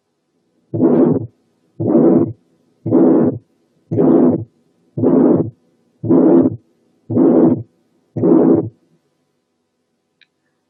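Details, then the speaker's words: Congenital pulmonary stenosis: regular cycles near 57 a minute, each with a long, harsh ejection systolic murmur, and a split second sound with a weak pulmonary component. "طبعا سبليت، والسكند كومبوننت ضعيفة لأنها حالة congenital pulmonary stenosis."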